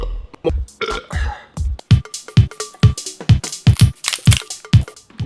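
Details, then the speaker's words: A rapid compilation of loud, deep, croaking burps, edited together from one person deliberately letting burps out. Ordinary belching. "excuse me I believe in the right to let my burps free"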